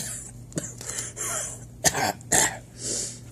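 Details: Several short, dry coughs and throat clears acted for a comedy sketch about having to cough during a test, with faint room noise; simulated cough.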